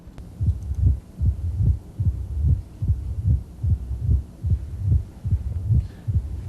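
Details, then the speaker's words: Heart sounds just inside the apical impulse: regular beat near 73 a minute, opening snap starting a low-frequency grumbling diastolic murmur that stops at the QRS; mitral stenosis. "it's a low-frequency grumbling murmur initiating the murmur is an opening snap"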